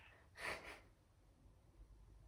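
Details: Normal breath sounds from a patient during a head-to-toe nursing assessment: a single deep, unlabored breath in and out, followed by quiet room noise, with no wheeze or added sounds.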